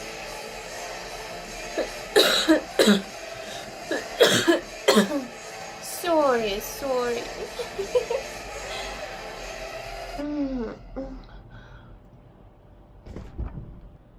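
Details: Adult woman, a heavy smoker, coughing in the morning after smoking two cigarettes back to back: several strong, deep coughs in bursts with some voicing, over background music and room noise.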